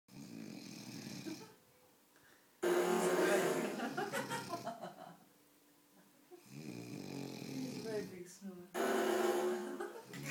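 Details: Person asleep snoring at a party: loud rattling snores alternating with quieter breaths, with voices and music in the background; snoring.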